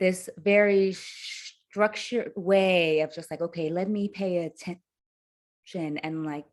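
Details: Adult woman who stutters, her stutter having worsened under caregiving stress to near unintelligibility; stuttering.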